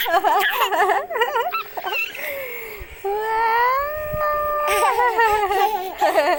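High, wavering infant vocal sounds, then a long sustained wail that rises and holds, with fussing at either end. This is infant crying.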